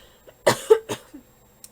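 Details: Quick run of three close coughs from an adult with a hoarse voice, in a quiet room; cough.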